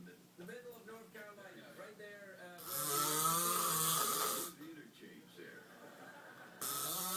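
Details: Husband snoring in sleep: rough, buzzing snore sounds with a harsh noisy breath in the middle, light background noise.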